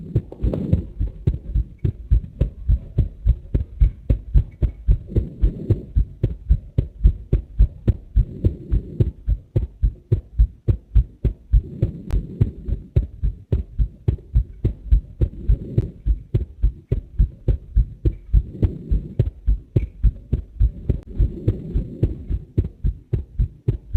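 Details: Recorded heart sounds set to heart MRI video: a steady, regular adult heartbeat thumping at a fairly quick pace, with a low hum and soft background noise.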